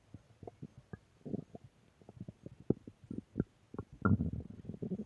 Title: Stomach Growl Audio 4